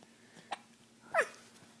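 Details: Boy hiccuping while eating: two brief, abrupt, squeaky catches in a quiet room; hiccups.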